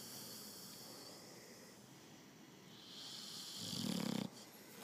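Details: Snoring.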